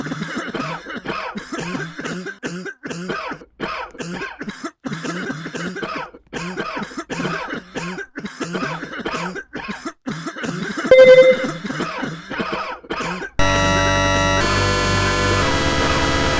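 A run of rapid, repeated voiced coughs in quick succession, followed by a brief musical tail.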